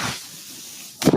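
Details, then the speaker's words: Mechanical ventilator sound of the speaker, who says the noise heard is his ventilator: a soft airy hiss fades, then a sharp rush of air returns as it cycles. "my name is worried that noise you're hearing is my ventilator"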